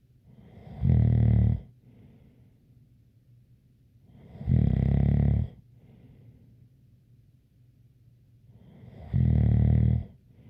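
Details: ASMR snoring recording: three loud, low, buzzing snores about every four seconds with quieter breaths between and a faint whistle; snoring with a light whistle.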